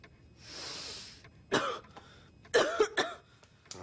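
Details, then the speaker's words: Acted film scene of a feverish young boy taking a deep breath in for the doctor, then giving four harsh, voiced, barking coughs; the doctor diagnoses croup. "On tousse beaucoup, on dirait. C'est le croup, Madame Cameron."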